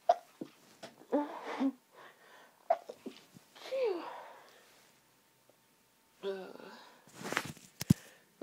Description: really girly sneeze fit caused by hayfever, sneezing into tissues near the end of the fit